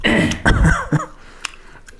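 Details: Adult woman (mother) with a hoarse, "sat down" throat, attributed to eating many sweets at a wedding, cold night weather, change of season and night travel; throat clearing.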